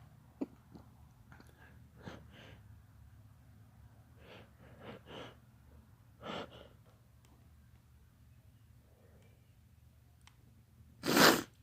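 Breathy build-up breaths followed by one sharp, forceful sneeze at the end, against quiet room noise.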